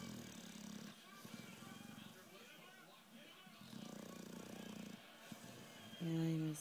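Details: Awake, excited dog with an underbite making snoring noises: two rough, buzzing snore-like breaths, then a brief vocal sound; snoring while not asleep.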